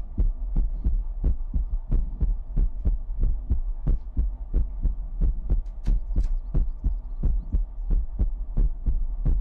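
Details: ASMR heartbeat sound in a sleep-aid livestream: steady low thumping beats at about 90 a minute over a faint hum, a regular heartbeat.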